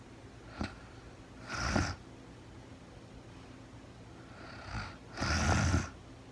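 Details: Real-time recording of a woman asleep at night, no talking, very tired: two slow breaths in about six seconds, each with a rough, rattling snore on the in-breath, in a quiet room; snoring during sleep.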